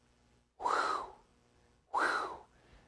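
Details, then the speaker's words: Vocal imitation of a crescendo-decrescendo (diamond-shaped) systolic murmur: two breathy, whooshing bursts that swell then fade. "in terms of systolic murmurs crescendo decrescendo murmur has shape to it so it it kind of goes it crescendos and then it decrescendos exactly as the name implies uh it's also known as a diamond shape murmur okay so this sounds like"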